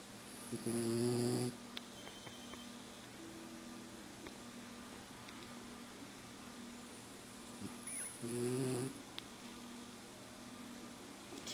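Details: A sleeping French bulldog gives two loud, buzzing, tonal snores about seven seconds apart over a steady room hum; someone yelling to wake him does not disturb his sleep.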